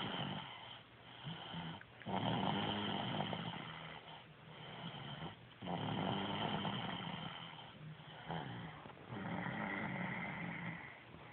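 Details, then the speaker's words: Baby boy snoring like a grown-up: loud, rough snoring on each breath in, about 18 breaths a minute, with quieter pauses between. "He sounds like a grown-up, doesn't he?"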